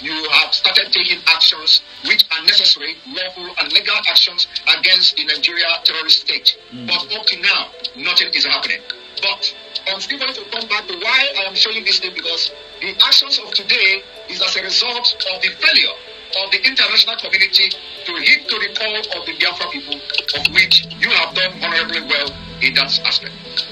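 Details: Adult speaker; normal speech.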